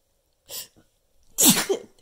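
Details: Person counting sneezes toward ten: a quick breath in, then a single loud, explosive sneeze with a short voiced tail, around the ninth.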